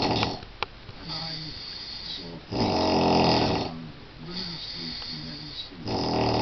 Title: Incredibly loud snoring